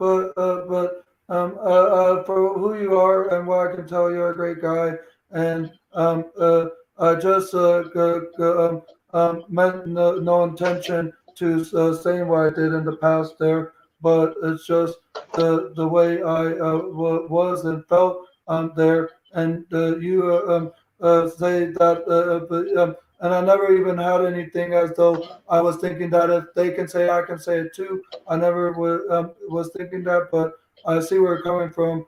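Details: Stuttering in a 32-year-old man who reports lifelong autism, ADHD, bipolar mood disorder and seizure disorders.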